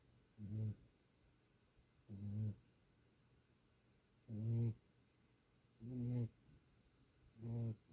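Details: Sleeping puppy; five low, rumbling snores at regular intervals, about one every 1.5 seconds, with quiet pauses between; ordinary puppy snoring.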